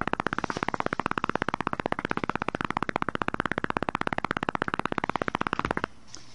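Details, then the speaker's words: Simulated EMG from a computer EMG simulator, motor unit potential with uncertain neuromuscular transmission: jitter set to 110 microseconds, giving a rapid, unevenly spaced crackling train with pronounced instability and missing spike components (blocking). "If the jitter is set to even higher value, say 110 microseconds, then the instability is much more pronounced and individual spike components are missing."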